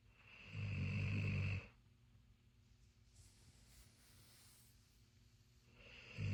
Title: Snores like a man :)